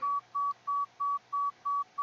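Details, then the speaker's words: Pure-tone audiometry test tones from a hearing-test phone app played through headphones: seven evenly spaced short, steady mid-pitched beeps, about three per second; volume drops about 5 dB after each "I can hear" press. "像现在可以听得到哔哔哔，就可以按 I can hear， 那就可以，它就会小5分贝左右，再小。"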